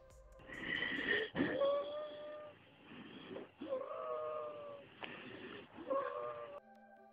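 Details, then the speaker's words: Wheezing as heard in asthma with narrowed airways: noisy breaths carrying high-pitched, musical whistling tones. "But—what is wheezing? It is a high pitched whistling sound heard when you breathe—typically in someone who has narrowed airways."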